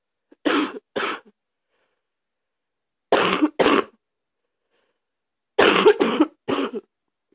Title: # 89 this morning deep cough